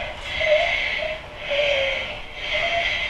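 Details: A child during a respiratory examination makes repeated harsh, whistling, high-pitched noisy breaths in quick succession, a stridor-like sound from psychogenic laryngospasm.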